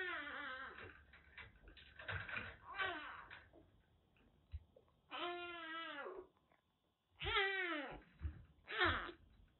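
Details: Rescued kitten with a bad cat cold (cat flu), recovering on medication; hoarse meow, possibly seeking attention, play or food.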